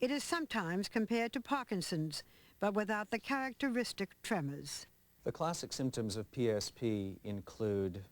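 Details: Adult narrator; ordinary speech.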